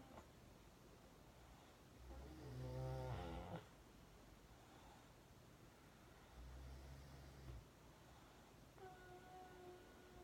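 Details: Mother and another sleeper snoring: two low, rumbling snores about four seconds apart over quiet room noise; ordinary snoring.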